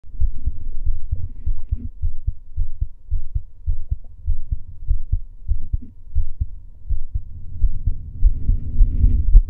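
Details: Male heartbeat recorded during breath holding: steady, deep, low thumps at roughly 55 beats a minute with some low rumbling noise; ordinary heartbeat.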